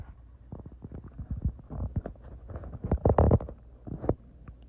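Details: Female stomach growling: low gurgling and rumbling with bubbly pops and squelches, building to a louder burst near the end; borborygmi.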